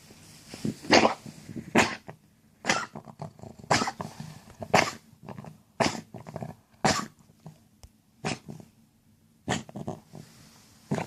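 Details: A dog that is not feeling well gives about ten harsh, wet cough bursts in quick succession with a gurgling quality; a wet, gurgling cough.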